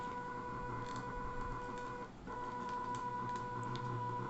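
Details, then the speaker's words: Smart ventilator prototype, a student final-year project, starting resuscitation cycles right after start is pressed in its Android app: steady electric motor whine with hum and faint clicks, briefly dipping, from a stepper-driven bag ventilator. "now when i press the start button you can notice how quickly it reflects on the hardware now it begins the process of resuscitation almost immediately"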